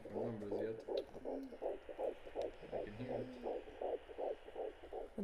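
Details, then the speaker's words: Home check at the end of the first trimester: rapid, regular whooshing fetal heartbeat on a handheld Doppler, about 160 on the sound, counted at roughly 162–165 beats a minute, with the signal hard to keep as it shifts left and right. "it's really difficult to find at this stage I keeps finding it goes left it goes right oh my gosh"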